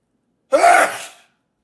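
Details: Sneeze after a lingering nasal tickle: one loud sneeze, a sudden forceful burst of air fading over about half a second.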